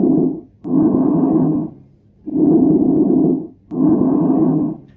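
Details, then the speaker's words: Bronchial breathing, usually from consolidation, heard best over the trachea: loud, harsh, hollow breath sounds in both inspiration and expiration with a short pause between phases. "this is bronchial breathing these are harsh breath sounds heard in inspiration and expiration and are usually caused by things like consolidation heard best over the tra"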